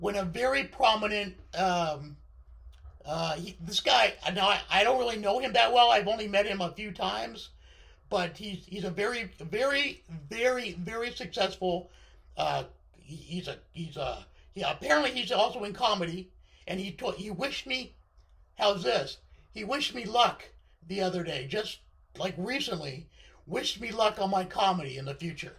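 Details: Male speaker with left-sided vocal cord paralysis following surgery, which limits his voice control; unilateral vocal fold paralysis.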